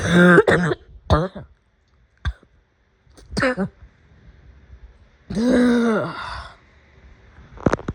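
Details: An adult's afternoon coughing fit: a run of harsh, voiced coughs and throat clearing with brief pauses between bursts.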